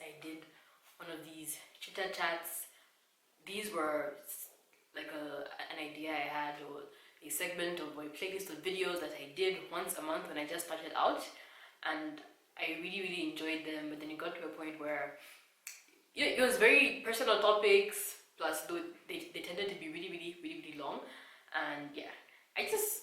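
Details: Adult woman describing her own stammer; she edits some disfluencies out, but stammering can still be heard; stuttering.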